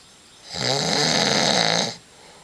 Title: Dad snoring